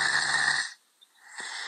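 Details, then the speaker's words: Five-year-old boy with grade 3 tonsillar hypertrophy, nearly scheduled for tonsillectomy, scoring 19 of 22 on the PSQ sleep questionnaire: loud, deep, harsh snoring on inspiration with pauses between breaths; heavy snoring, sleep-disordered breathing. "Escuchen cómo este niño está roncando muy profundamente, tiene 5 años, empieza a roncar demasiado, de una manera que nosotros pensaríamos que está descansando, porque decimos, oye, está roncando, está durmiendo bien."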